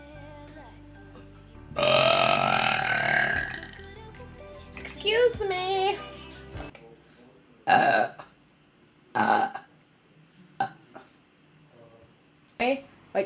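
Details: Woman burping: a long, loud belch, then several shorter burps between bits of talk, with background music; burping.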